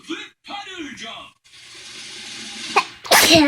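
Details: Young child making herself sneeze on command: a short child's voice and an in-breath build to one loud, explosive sneeze at the end.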